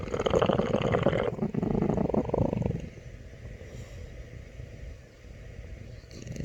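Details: A sleeping dog, said to be dreaming, snores with a rough, fluttering rumble that is loudest at first and then fades to a softer low drone.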